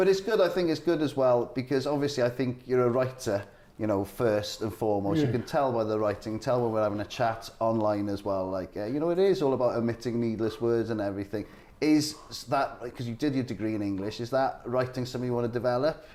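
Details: Adult male speaker; normal conversational speech.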